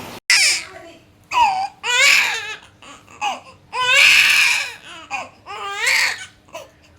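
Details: 18-day-old newborn boy, who had hospital jaundice after birth and rarely cries, crying in short, rising-and-falling wails separated by brief pauses for breath.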